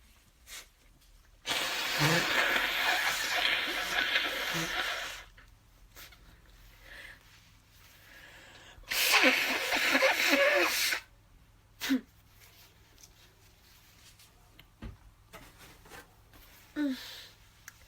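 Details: Congested person at a desk: two long, noisy nose blows, then several brief sharp sneeze-like bursts in a mini sneezing fit against faint background hum; sneezing and nose blowing.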